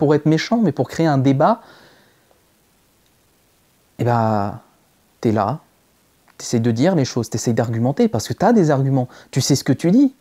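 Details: Stuttering in a French-speaking male, since early childhood, previously treated but recently returned strongly; blocks and repetitions, with repeated attempts at the same phrase.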